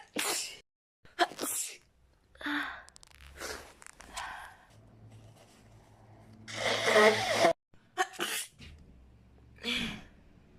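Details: Japanese woman sneezing and blowing her nose, said not to be fake: a run of short, sharp sneezes mixed with quieter nose sounds and a longer noisy burst like nose blowing.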